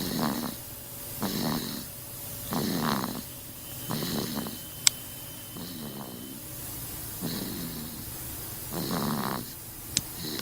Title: Baby Snoring